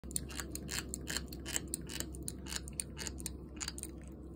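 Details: A 4-month-old toy poodle puppy that has been grinding its teeth more often: quiet, repeated scraping and clicking of teeth rubbing together.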